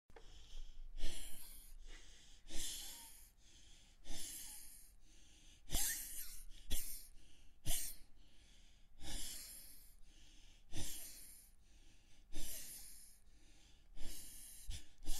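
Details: Sound-effect recording of acted asthmatic breathing: repeated noisy, labored breaths with a whistling edge, about eight cycles in fifteen seconds, imitating wheezing.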